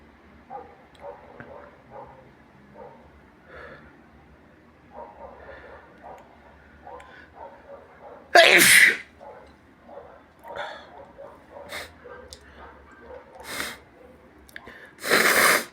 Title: induced sneezes with a nose blowing in the end